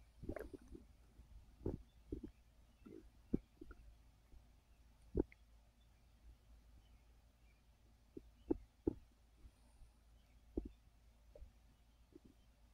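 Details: Adult resting on a full stomach after overeating: soft, irregular gurgles and low rumbles, bowel sounds (borborygmi) of digestion after a large meal.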